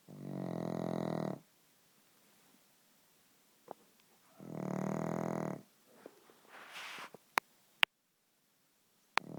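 Two long, rumbling, voiced snores about four seconds apart, with quiet gaps and a few faint clicks between; loud snoring from a flat-faced dog.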